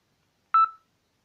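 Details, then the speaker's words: Simulated seizure-like motion from gently shaking a Bangle.js smartwatch feeding accelerometer data to the OpenSeizureDetector app: a single short electronic tone as the app enters its warning state, before full alarm and SMS alert. "if we uh pick up the watch and we just give it a gentle shake to give it some seizure like motion after a few seconds we should see it go into a warning state"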